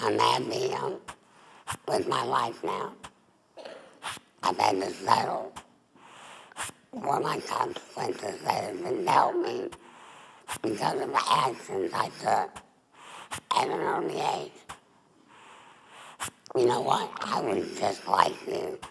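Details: Adult woman, former smoker, larynx removed for laryngeal cancer, with neck stoma. Alaryngeal speech after total laryngectomy.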